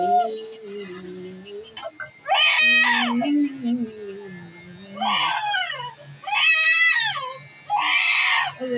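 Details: Baby girl a few months old crying during her first haircut, first frightened and then crying: high-pitched infant cry bursts between soothing adult voices.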